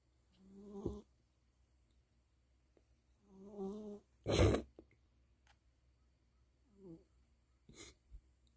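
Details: Sleeping cat snoring loudly in a quiet room: rhythmic, rattling snores roughly every three seconds, with sharp snorting exhales between; snoring.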